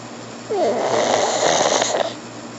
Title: Snoring Pug